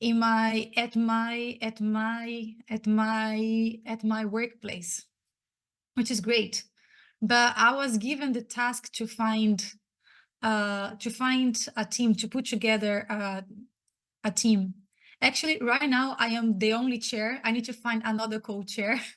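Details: Stuttering in an adult woman who identifies as a person who stutters; she was especially impacted as a child and teenager.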